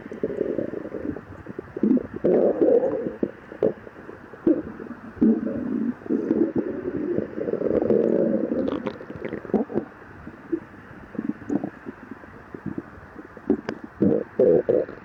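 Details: After 12 hours without food, in a person with severe lactose intolerance: long low gurgling rumbles and groans with scattered clicks and pops; stomach growling (borborygmi).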